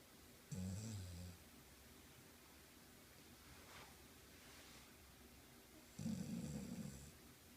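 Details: Snoring during sleep: two low, rumbling snoring breaths a few seconds apart, with quiet breathing noise between; ordinary snoring.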